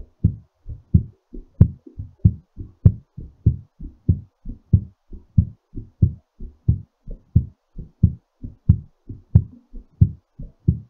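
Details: Brisk, even lub-dub heartbeat, somewhat fast, settling during recovery: a normal heartbeat after exercise.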